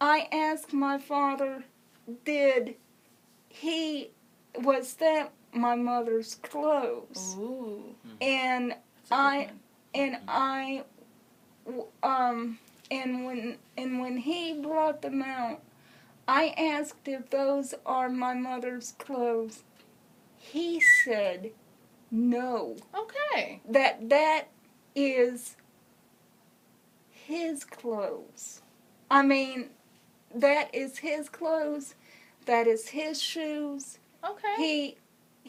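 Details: Dysarthria in congenital cerebral palsy; wheelchair user since early childhood; speech hesitant with repeated words and fillers.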